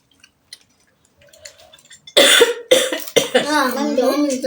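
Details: Feigned cough as a prank on the speaker's daughters: a few loud, harsh cough bursts running into voiced sounds; deliberately faked, not a real illness.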